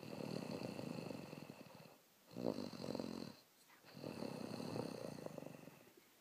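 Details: Rhythmic rattling snores with pauses between breaths in a quiet room from a sleeping person; ordinary snoring.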